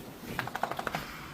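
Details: Bluetick Coonhound reverse sneezing: a rapid run of short, honking snorts while he avoids cuddling as his owner returns from work, and the owner asks whether he is okay.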